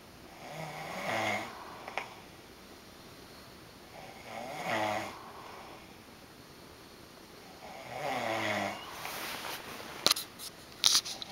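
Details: Adult man snoring all night while sharing a hotel room; three rattling, buzzy inspiratory snores about 3.5 seconds apart, roughly 16 breaths a minute, with brief clicks and room noise.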